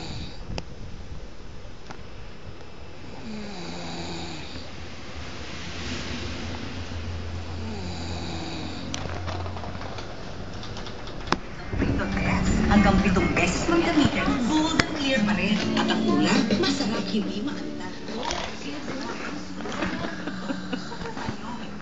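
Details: Loud, rough, rumbling snoring with rattling breaths repeating throughout, louder in the second half.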